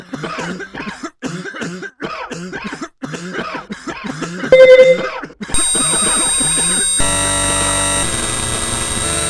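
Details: Child coughing in a rapid run of short, voiced bursts, followed by electronic music; caption mentions a virus.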